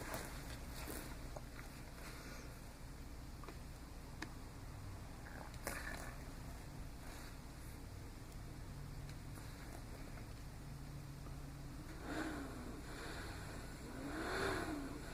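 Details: Small travel CPAP (AirMini) running at 10 cmH2O with flex 3: quiet, steady low hum with soft airflow swells near the end; CPAP machine noise.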